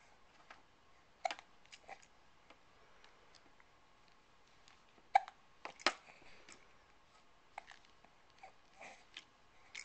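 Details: Hiccups recorded on a Flip Video camcorder: quiet room with several short, sharp hiccup sounds at irregular intervals, the loudest near the middle.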